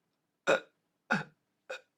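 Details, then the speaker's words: Imitated, not from a patient: broken inhalation in three short, noisy gulps of air instead of one smooth breath, air drawn in little pieces; segmented inspiration of respiratory dystonia, a spasmodic dysphonia variant. "the the airflow instead of coming in in a smooth flow and out in a smooth flow it comes in in sort of pieces it's what i call breathing in in little packages or little pieces"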